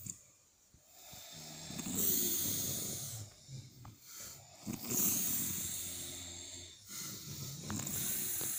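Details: Several people asleep, snoring in rhythm: snorting, rattling breath sounds rising and falling on slow cycles, with hissy noise and faint background voices; snoring.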